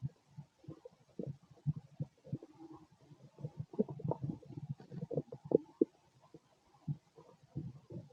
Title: Male stomach growls